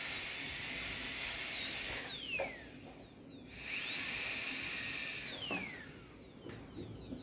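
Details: High-speed dental handpiece during anterior PFM crown preparation, rounding line angles and tapering the walls: high whine dropping under load and rising when freed.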